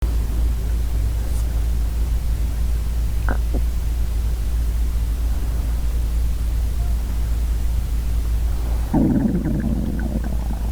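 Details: Borborygmi from a hungry girl's stomach: deep continuous rumbling with a gurgling swell near the end, gas and fluid moving through the gut.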